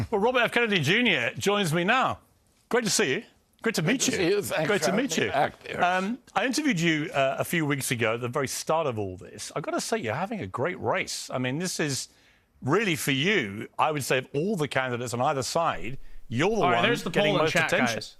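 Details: Adult man speaking; normal speech.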